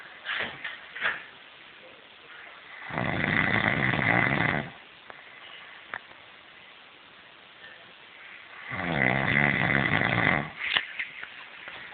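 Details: Person snoring: two long, loud, rattling snores on breathing in, about six seconds apart, with quiet breathing between them.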